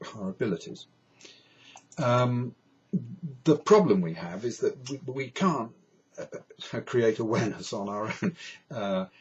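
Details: Adult man who states he has a stammer, described as a neurological condition with no cure; stuttering.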